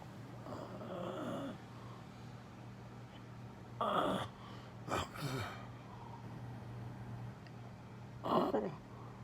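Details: Husband who claims he never snores, asleep and snoring: rough, rumbling breathing sounds in a few irregular bursts over a steady low hum of room noise.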